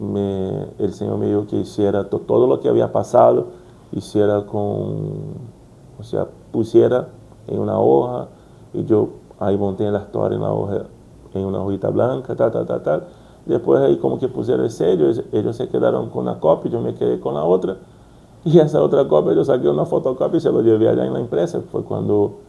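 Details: Brazilian adult man stuttering since childhood, speaking Spanish as a second language, working to overcome it; repetitions such as 'como como'; stuttering.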